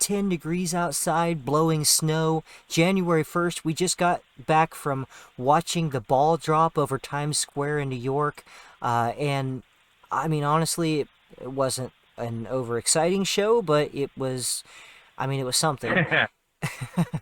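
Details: Adult male speaker; ordinary speech.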